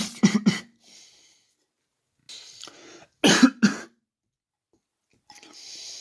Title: Coughing